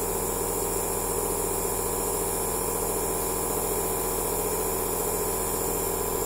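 Steady loud hum and hiss of a running nebulizer compressor, continuous and unchanging.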